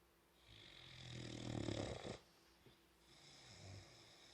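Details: Boxer puppy sleeping with tongue out: one soft, rattling snore on a breath in, then a quiet breath out; light snoring.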